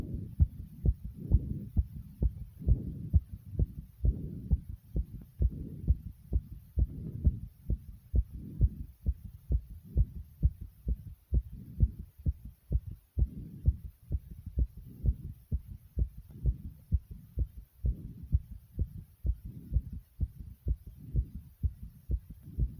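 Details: Loud, regular, low-pitched heartbeat thumps at a fast rate of roughly 130 beats a minute.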